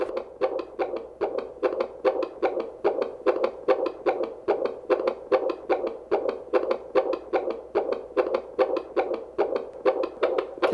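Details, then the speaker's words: Handheld Doppler with jelly on a pregnant mother's belly during a prenatal visit: rapid, regular whooshing pulses at about 141–143 beats a minute, a normal average fetal heart rate. Normal fetal heartbeat on Doppler. "so the baby's heartbeat is around 141, 143. That's a nice normal average heartbeat."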